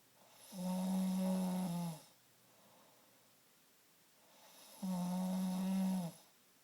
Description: My husband denies that he doesn't snore at all. Now I proved him wrong. I recorded his snores, but couldn't get the pictures of it in the dark bedroom.